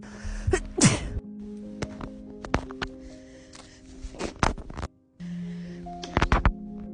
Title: Covid sneezes